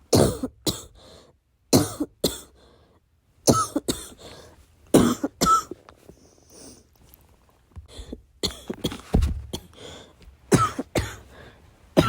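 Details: Adult suppressed coughing fit late at night, trying not to be loud: repeated short muffled, held-back cough clusters with quiet pauses between bouts.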